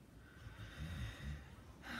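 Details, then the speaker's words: Quiet, low-pitched rumbling breaths of soft snoring from sleeping dogs lying in their beds under a table, in a still room. "I just heard something I thought oh you can really hear my dog snoring"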